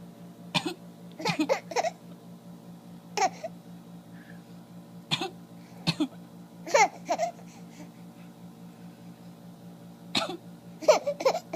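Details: Cough: short, sharp cough bursts from a child and an adult (father), about eight episodes, some in quick pairs.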